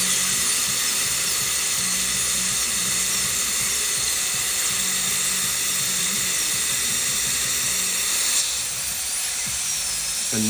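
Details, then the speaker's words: High-pitched whine of a high-speed dental handpiece with a large round diamond bur starting a lingual access hole near the cingulum of tooth #8's crown, cutting a window for luting to a temporary coping during extraction, immediate implant placement and provisionalization; drill spins down near the end. "so I know that my hole from the lingual is going to have to start somewhere around here so I'll make my first initial cut right there"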